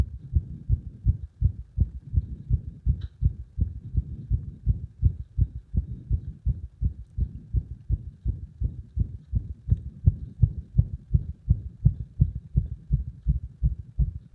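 Muffled heartbeat thumps with a pressed-on-the-chest quality; mostly steady in this stretch, with frequent irregular beats in this heart.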